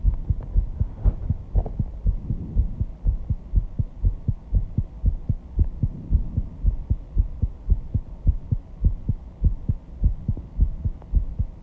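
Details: Heartbeat after intense exercise, stated as 134 bpm and audible without the microphone at the start: fast, regular, pounding low thumps with heavy breathing, consistent with sinus tachycardia after exertion.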